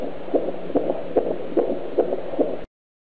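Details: Fetal heartbeat heard with an AngelSounds handheld fetal Doppler monitor: rapid, regular whooshing pulses of the unborn baby's heart, about 146 beats a minute.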